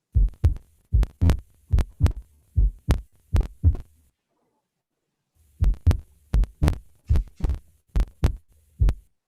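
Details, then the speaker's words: Simulated adult patient with syncope and marked dyspnea, examined for aortic stenosis: clear, regular two-part heart sounds about 80 per minute, no murmur and no sustained arrhythmia such as atrial fibrillation; normal heart sounds. "Então, nós não conseguimos auscultar nenhum sopro, a bulha está rítmica, agora ela não tem arritmia, ela poderia estar fazendo fibrilação atrial, né, alguma arritmia sustentada que ela não tem."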